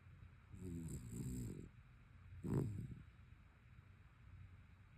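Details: Rescue dog snoring this morning: two low, rumbling snores, each with a soft snorting rasp, against quiet room noise.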